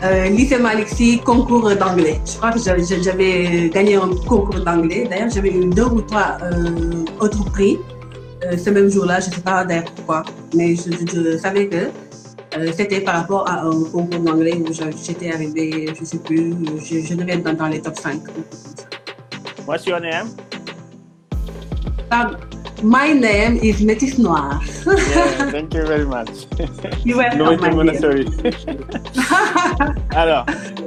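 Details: Adult Senegalese woman who stutters: stuttering.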